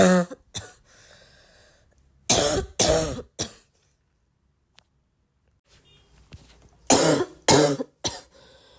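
Bouts of harsh, explosive coughs in quick runs of two to three, separated by a few quiet breaths; persistent repeated coughing.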